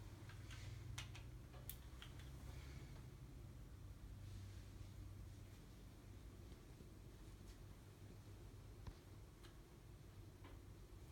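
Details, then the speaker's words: Abdominal auscultation before palpation during an annual wellness exam. Soft, irregular clicks and brief gurgles over a low steady rumble: normal active bowel sounds. "and normal active bowel sounds we're gonna listen for any brew ease and we're also going to listen for any bruise in the abdominal aorta area before we palpate"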